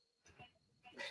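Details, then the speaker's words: An 18-year-old cat snoring in the background; snoring. "I can hear the cat snoring. Oh yeah, that's a cat. Yeah, our 18-year-old cat."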